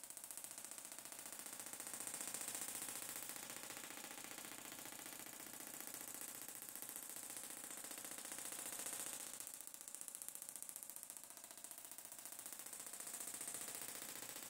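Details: Extracorporeal shockwave therapy (Gymna Shockmaster 300; 2 bar, 15 Hz, 2000 shocks, 20 mm head, ultrasound gel) across the whole plantar fascia for medial arch pain, head moving: steady, rapid, hissing clicks as the device fires continuously.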